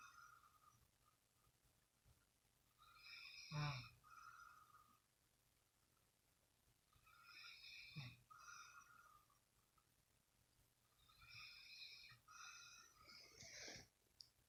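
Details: Adult man (a boyfriend) snoring in his sleep, recorded as proof: quiet, irregular snorting snores with hissy breath noise, about 14 a minute, in a still room.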